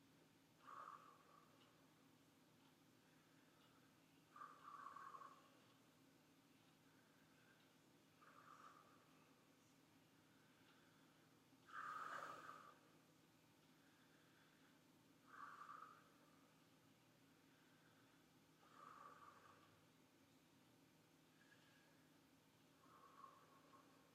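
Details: Normal vesicular breath sounds, auscultated during a physical examination demonstration on a patient of normal body mass index.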